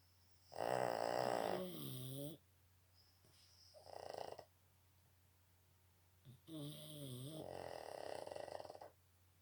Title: Boston Terriers big snore.